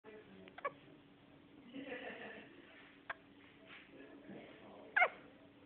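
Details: Hiccups in a 4-day-old newborn: three short, sharp hiccup sounds about two seconds apart over faint room noise and soft baby sounds; a normal finding.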